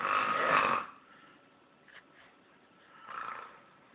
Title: dad snoring